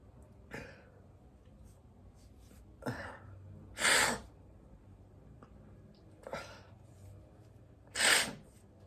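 A run of sneezes, some soft and some loud and explosive, with quiet breaths and sniffs in between; repeated sneezing.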